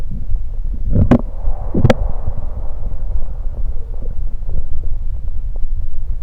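Low, continuous abdominal rumbling with a couple of sharp gurgling pops while drinking soda; ordinary bowel sounds.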